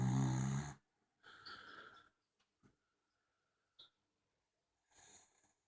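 Loud rough snore bursts from a sleeping small dog, separated by quiet pauses and a few soft clicks; ordinary snoring.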